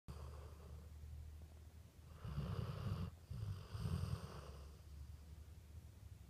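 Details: Dog: low rumbling snores in two long bursts with a brief pause, over a steady low hum; ordinary snoring.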